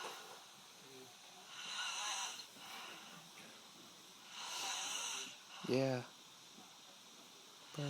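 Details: Snoring during sleep: breathy, hissing snores on the in-breath, about two in eight seconds, with one brief voiced snort in a quiet room.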